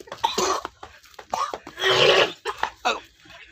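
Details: An adult gives several harsh, sputtering coughs with throat clearing and a long forceful expulsion during a nasal rinsing technique meant to expel mucus for asthma, cough and cold.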